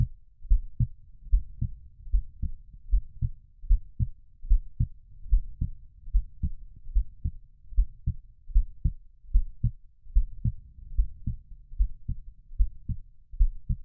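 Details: Steady, low lub-dub normal heartbeat, about 74 beats a minute, with a soft low rumble behind it, used as a sleep sound for babies.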